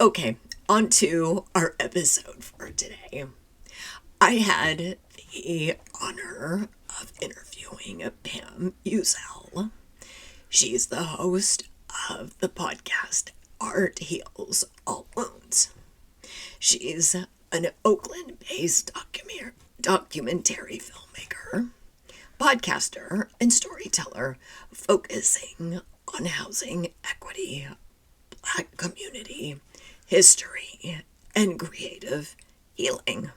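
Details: Woman who identifies with the spasmodic dysphonia community, describes her voice condition as neurological and long-standing enough to feel normal, and reports frequently not being understood on the phone; spasmodic dysphonia.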